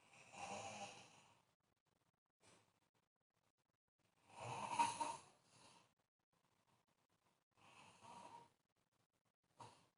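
Rough rattling noises on inhalation with softer puffs between, repeating in slow breathing cycles: snoring.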